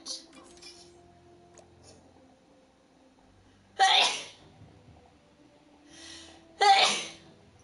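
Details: Two sharp, hissing sneeze bursts a few seconds apart over quiet background music and room noise, from an adult female streamer during a live stream; sneezes.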